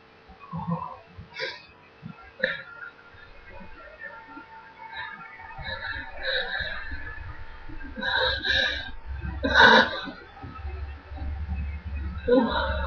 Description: some sneezes and blowings.